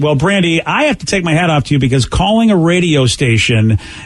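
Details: Adult male speaker; normal speech.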